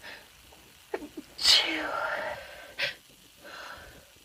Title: First Sneeze Video (F)